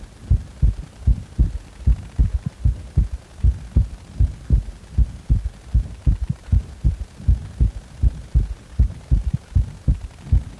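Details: Heart sounds after compression with a triple rhythm: low thudding heartbeat about 78 a minute, with an extra third sound in each beat, giving a galloping rhythm.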